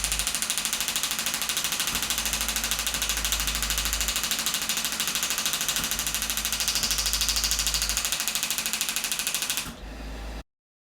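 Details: Radial shockwave therapy for hamstring tendinopathy at the ischial tuberosity hamstring origin with gel, 2,500 pulses at 12 Hz and 2 bar: fast, steady train of sharp clicking pulses for about ten seconds, then stopping.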